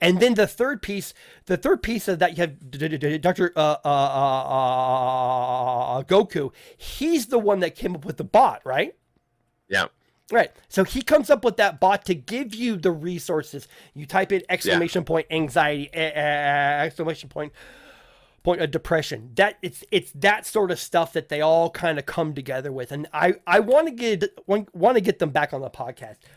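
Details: Stuttering (self-reported) in an adult male podcast host who says people in voice chats kept asking him to repeat himself; speech has word and phrase repetitions.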